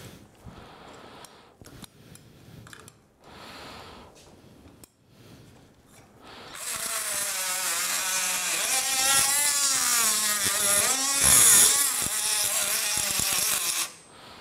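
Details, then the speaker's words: Quiet operating room, then a loud high-pitched whining oscillating saw, changing pitch as it cuts bone, making the anterior femoral chamfer cut during total knee replacement. "تمام، بعد كده هنعمل الانتيرير شامفر،"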